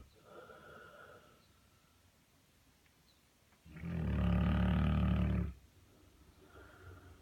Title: Snoring Saint Bernard in Clawfoot tub